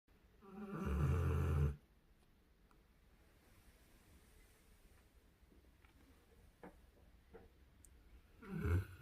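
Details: Described as the first time it was heard snoring this loudly: two loud, low, rumbling snores on breathing in, about seven seconds apart, with quiet breathing between them.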